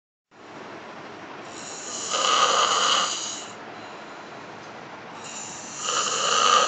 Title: Snoring Beauty Sexy